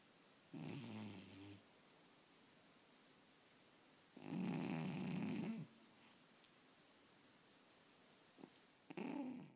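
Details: Cat snoring while asleep and seemingly dreaming; soft rhythmic snores, about three breaths heard, with quiet pauses between: ordinary sleep snoring.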